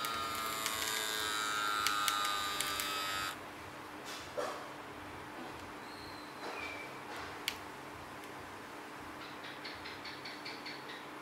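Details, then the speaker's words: Microlife 3NV1 3E automatic wrist blood pressure monitor, seated user not talking: a small pump whirs, inflating quickly, then stops with quiet clicks and soft beeps as the cuff deflates before showing three readings. "Cả nhà nhìn thấy nó rất là nhanh nó sẽ bom lên cao và nó xuống rồi ra kết quả ba con số đó"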